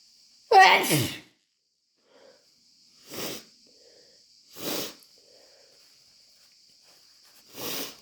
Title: Desperate, wet chhinkni sneezes plus a snotty blow